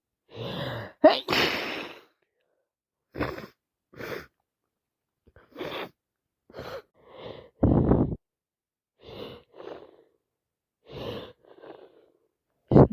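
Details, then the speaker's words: Person with a cold plus hay fever, allergy medication run out, after visiting a park: repeated sharp sneezes with gasping in-breaths and sniffles between them, nose and eyes dripping, itchy nose; sneezing. "So now it's cold plus allergies. I'm sneezing even more."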